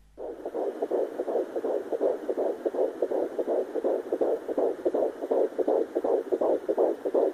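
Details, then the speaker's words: Fast, steady whooshing fetal heartbeat at about 160 a minute, picked up at home with a Sonoline B fetal Doppler during a second pregnancy; sounds like a galloping horse, expected range 120 to 180 beats per minute. "ja so hört sich das dann an wenn man den richtigen Herzschlag erwischt hat denn der sollte zwischen 120 und 180 Schlägen pro Minuten sein"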